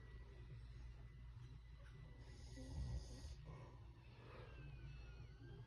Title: Gypsy rose 🌹 snoring 💤